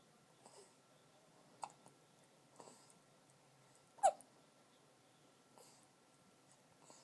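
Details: Hiccups in a quiet room, recording described only as "7 weeks": several brief, sharp, separate catches, one much louder than the rest.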